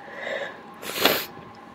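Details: Adult sneezing on request after tickling the nostril to induce it: a quick breath in, then one loud, wet, explosive sneeze; an ordinary sneeze.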